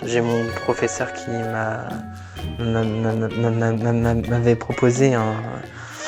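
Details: Stuttering since starting middle school in a 26-year-old man, with repetitions and hesitations during a simulated professional phone call done as a speech-therapy exercise.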